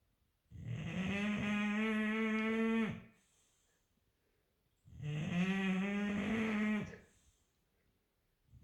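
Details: Two long, loud, droning, near-musical snores about four seconds apart from a sleeping English bulldog; habitually loud snoring, heard from a bedroom upstairs.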